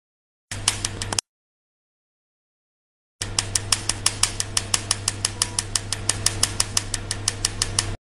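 Steady low hum with rapid sharp snapping pulses, about three per second, after a brief pause: a tattoo removal laser firing.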